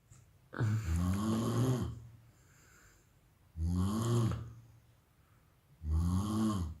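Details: Heavy snoring during sleep: three loud, rough, low-pitched inspiratory snores at about 26 a minute, with quiet exhalations between them.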